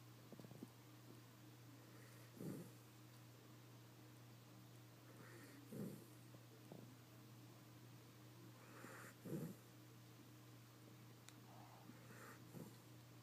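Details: Snoring from a sleeping schnauzer with her eyes wide open: slow snores, about 17 a minute, over a steady low room hum.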